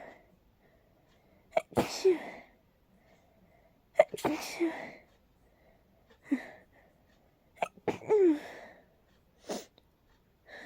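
About five sharp sneezes in quick succession, each with a short catch of breath before it: a rapid sneezing fit from allergic rhinitis.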